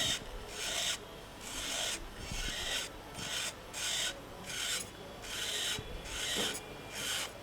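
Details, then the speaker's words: Temporal bone dissection in extensively pneumatized bone: rhythmic rasping, grinding burr bursts about once a second with quieter pauses, sound changing near the middle cranial fossa. "See the difference in the sound here and here. Right? So here we are probably very close to the uh the middle fossura."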